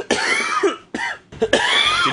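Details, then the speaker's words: Three harsh, rasping coughing bursts in close succession from an adult; a repeated, persistent cough. "that's a long cough dude i do you should get that checked out let's see a doctor"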